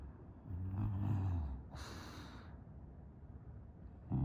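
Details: English bulldog snoring in deep sleep: a low rumbling snore on the in-breath, then a breathy out-breath, then the next snore starting.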